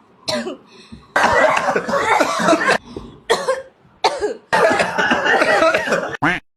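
An adult coughs in repeated harsh bursts and longer fits, acted for comic effect.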